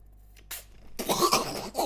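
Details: A brief intake, then a sharp, hissing burst of air in a small room: a sneeze, possibly from a small animal, sneezing on someone.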